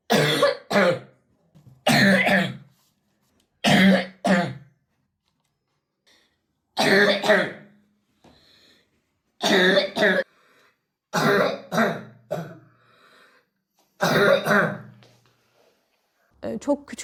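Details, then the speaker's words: A boy has had cough attacks for 8 years, worse over the last 4. Three allergists found no allergy, and a chest doctor said his windpipe is soft tissue. He is on cortisone trial drugs. Repeated harsh cough bursts in clusters; chronic cough. "78 yıldır öksürük var ama 4 yıldır bu şekilde diyebilirim size. Alerji dediler."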